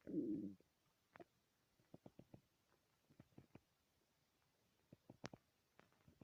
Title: Loud stomach growls